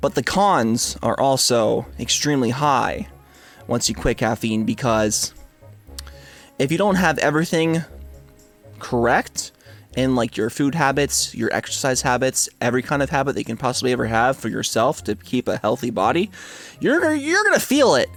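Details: Adult man with a stutter and speech impediment since around second grade; he reports quitting caffeine has helped it; stuttering.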